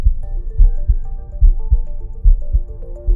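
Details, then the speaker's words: Normal lub-dub heart sounds at about 72 beats a minute, recorded with a Stemoscope wireless smart stethoscope placed over the heart, with soft background music. "simply put the stemis cope over the heart you can hear the love dub heart sounds"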